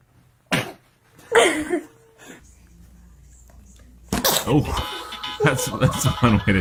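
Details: Infant sneezing: two short, sharp sneezes close together, then adult laughter with music playing.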